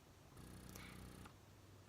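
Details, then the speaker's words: Low, soft rhythmic motor hum with a brief whir from a Spectra S2 breast pump at its highest vacuum setting (level 12), still whisper quiet. "that's the loudest your pumps ever gonna get and if you hear that it's actually really quiet so that's one huge plus about the spectra compared to the medela pumps is that they're so whisper quiet even at the highest vacuum setting"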